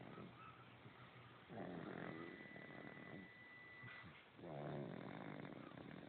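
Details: Snoring while asleep in a car seat: soft low snores on the in-breath, two clear ones, with room noise and a faint electronic tone; snoring.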